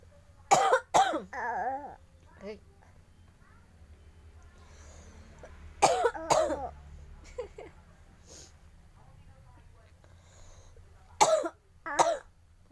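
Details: A baby falling asleep imitates the mother's choking cough: three pairs of short cough bursts over about twelve seconds, one from the mother and one from the baby copying it, with quiet room sound between.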